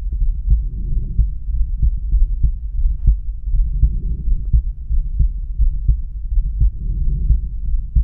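Regular low heart thumps at about 85 a minute through a stethoscope at the aortic area, with steady rumbling noise; a normal exam.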